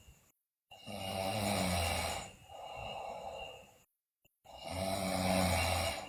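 Loud, rough, rattling snores on long breaths in, with quiet breaths out between; heavy snoring during sleep.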